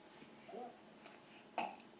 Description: My little gut decided to teach himself to burp on demand, watch him do it with a mouth full of grilled cheese